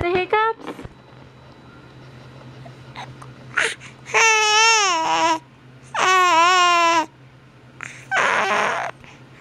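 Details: Several drawn-out, wavering cries with short gaps and fussing sounds from a baby who has the hiccups; ordinary infant cry.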